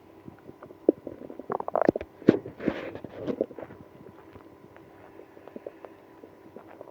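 Bursts of stomach growling, squeaks and gurgles that cluster early, then taper to scattered soft pops; active bowel sounds.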